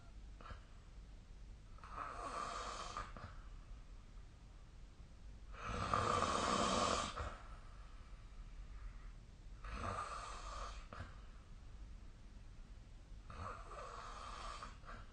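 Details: Snoring during sleep, recorded with the SnoreLab snore app: rhythmic rasping snores, one about every four seconds (roughly 15 a minute), over steady room hiss.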